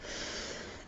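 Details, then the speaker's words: A sleeping little bulldog (female, "elle") snores with a brief, harsh, noisy breath through a narrowed airway; owner says she looks very unhappy. Snoring. "Vous entendez comment ça ronfle, un petit bulldog."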